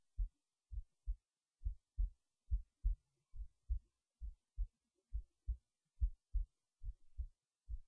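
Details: Heartbeat recorded late at night while resting in bed before sleep: deep regular low paired thumps at about 69 beats a minute; normal resting heartbeat.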